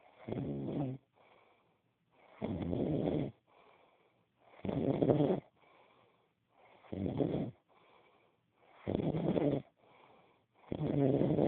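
Rhythmic rough snores on each inward breath with softer outward breaths between, about 14 breaths a minute; snoring.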